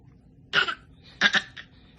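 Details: Child coughing during an eye exam: one short cough, then a quick double cough with a brief trailing sound; dry cough.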